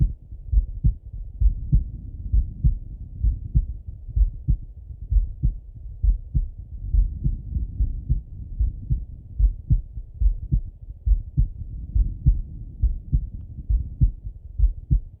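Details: Male heart auscultation through a stethoscope, recorded either sitting at a desk or lying in bed: steady regular lub-dub at about 67 beats a minute, no added sounds; normal heart sounds.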